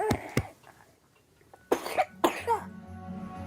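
Two sharp coughs, then two longer harsh coughs with a voiced, whimpering tail, over soft background music; an infant's cough with bronchitis.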